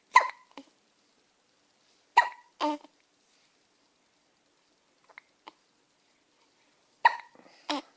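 Three short, sharp jerky sounds, each followed by a softer catch, in a quiet room, fitting hiccups.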